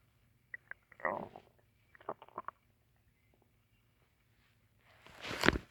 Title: My stomach growling part 3 (1 minute) I was hungry